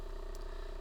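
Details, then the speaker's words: Steady low mechanical hum with fast, even buzzing pulse of the AchedAway percussion massage device running at a mid speed setting. "so I'll show you what it sounds like so level one which is a 1500 level to which is that 1,900"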